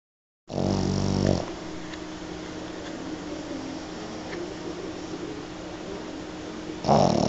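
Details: A Pug snoring at high volume during a mid-morning nap on a lap: a loud, rough, fluttering snore on breathing in, then a long, steady, wheezy hum until the next snore.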